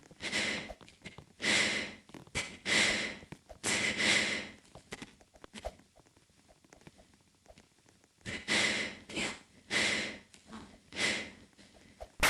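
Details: Snoring: repeated noisy, hissing breaths with snorting sounds through the nose and throat, about 49 a minute.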